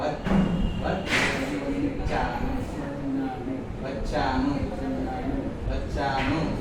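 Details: Adult man with brain damage, possibly from haemorrhage, accident or clot, in speech therapy, repeating a phrase many times while trying to retrieve it; apraxia of speech / aphasia.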